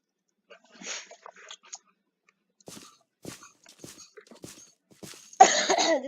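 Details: Person who says they feel sick, recorded while commenting on old videos: a run of short soft coughs and throat clearing, then a louder harsh cough at the end; repeated coughing.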